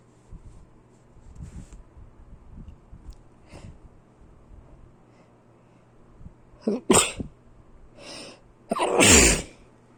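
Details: Quiet room noise, then a few sharp bursts ending in a loud, explosive sneeze with a breathy lead-in; sneezing.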